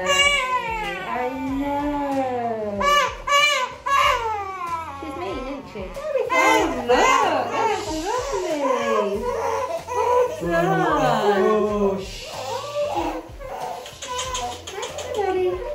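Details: 8-week-old baby boy at hospital for his first vaccination, an injection just under the top skin layer while held: loud, rising and falling cries with catches of breath, ordinary crying after the jab.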